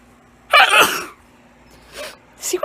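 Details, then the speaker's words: One forceful sneeze followed by brief soft breaths, from a person in a run of at least five sneezes in a row who says they can't stop sneezing. "I mean I just can't stop sneezing but yeah that's what's happening"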